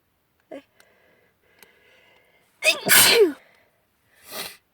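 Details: Spring pollen allergy sneeze on a windy March day, attributed by the sneezer to pollen in long hair: a quick inward catch of breath, then one loud explosive sneeze and a softer trailing puff.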